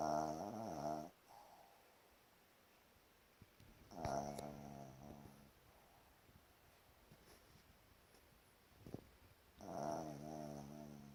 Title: Casper Snoring